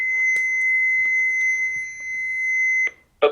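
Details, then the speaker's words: Steady high-pitched electronic alert tone that stops abruptly, followed by the start of another sound, as an AED is switched on during a basic CPR training demonstration. "so somebody brought you the AED right and it's going to I'll turn it on it's going to sound something like this"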